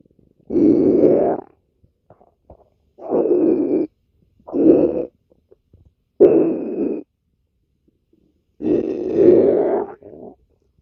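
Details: Loud stomach growls (bowel sounds): five long, low rumbling growls of about a second each, separated by quiet gaps, from gas and fluid moving through the gut.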